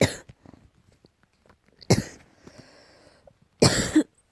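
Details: Cat coughing, possibly allergy-related: three short, harsh coughing bursts with quiet pauses between them.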